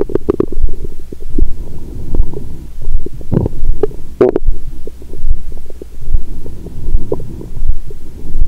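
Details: Continuous low gurgling and rumbling with frequent bubbly bursts through a stethoscope on the belly, after a large Christmas meal with wine following a 22-hour fast, belly still swollen: active bowel sounds.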